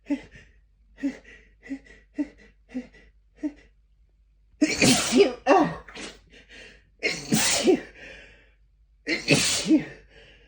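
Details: Sneezing after deliberately holding back sneezes by pinching the nose for over a minute: a run of small stifled sneezes, then three forceful open sneezes with sharp inhaled build-ups.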